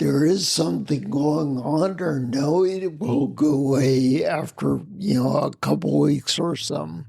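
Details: Adult man with spinocerebellar ataxia of unknown cause, a rare neuromuscular disease; slurred speech began around 1999, with difficulty being understood on the phone; also mobility problems and noise-induced anxiety; ataxic dysarthria.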